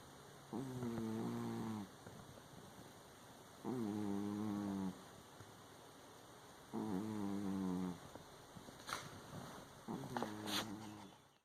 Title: Snoring Cat